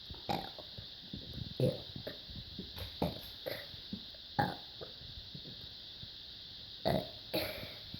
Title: ABC burps